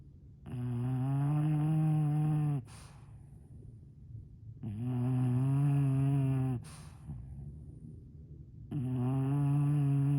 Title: Bulldog snores… volume up